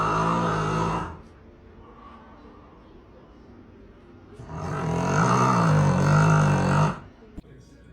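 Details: A sleeping dog snoring; snoring.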